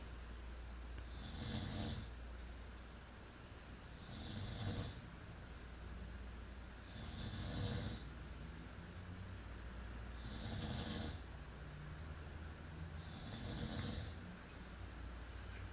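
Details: Adult sleeping beside spouse, snoring: rhythmic rasping snores at about 21 breaths a minute over a steady background hum.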